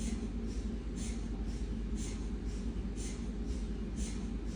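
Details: Siemens MAGNETOM Lumina 3 T MRI, abdomen protocol: steady low droning hum with soft rhythmic pulses about twice a second, scanner noise during an imaging sequence.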